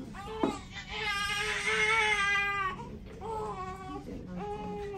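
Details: Loud, strong, high-pitched crying from a newborn boy in hospital, in sustained wails with brief breaths between; a vigorous, ordinary newborn cry.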